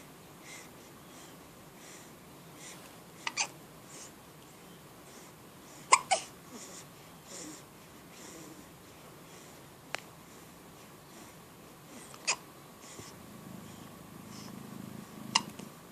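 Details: Quiet room with several brief, sharp catching sounds at irregular intervals, about six over sixteen seconds; a child's hiccups, likely an infant.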